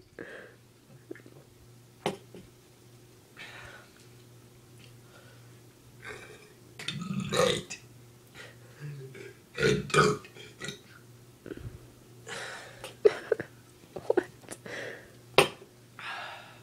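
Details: Several short belches broken up by breaths and quiet whispered talk in a small room with steady background hum; brother finishing a happy birthday burp song.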